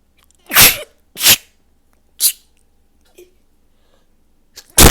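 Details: Four loud, explosive self-induced sneezes in quick succession with a short sniff between.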